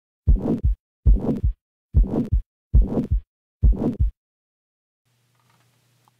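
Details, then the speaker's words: Harsh heart murmur from a high pressure gradient with large flow: five heartbeats, each followed by a loud, coarse, rough murmur, then a quiet hum. "this will create a subjectively serious sounding murmur which is frequently termed harsh"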